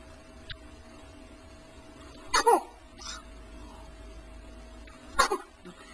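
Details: Two sudden catching gasps about three seconds apart over a steady background hum; hiccups, apparently in a small animal.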